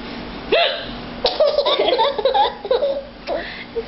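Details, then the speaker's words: A mother hiccuping while her child laughs at the hiccups: abrupt, catching voiced hiccup bursts mixed with bubbly laughter. "that funny? How do I make your hiccups go away?"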